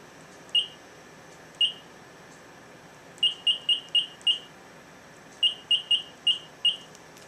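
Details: Thirteen short, crisp, high beeps from a Plum infusion pump keypad as the secondary rate of 50 for a 50 mL bag over one hour is entered in a demo; normal operating sound.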